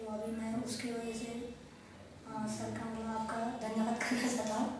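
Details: Adult male after voice therapy without surgery for a high-pitched, soft, low-loudness voice; history of radiation therapy and other medical issues; loudness improved though not fully normal; high-pitched voice persists.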